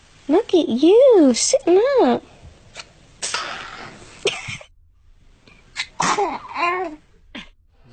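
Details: Baby girl sneezing: babbling and squealing, then short, sharp sneezes, followed by snot.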